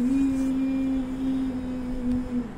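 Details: Man with a high-pitched voice, before voice therapy, sustaining the vowel 'ee'; puberphonia (high-pitched voice).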